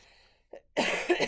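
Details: Adult ill with a lingering sickness after several days of fever: a faint throat sound, then a single dry cough burst.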